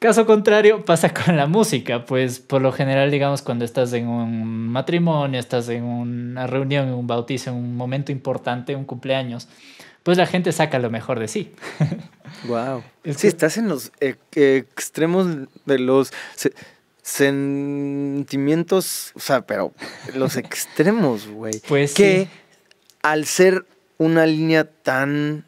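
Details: Stuttering in a Mexican male singer who has stuttered since early childhood and cannot remember speaking without blocking; he reports no stuttering when singing and stuttering less when drunk.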